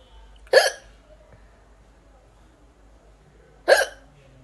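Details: Adult Indian woman: two abrupt hiccups about three seconds apart, each a short voiced catch, with a faint low hum behind; hiccups.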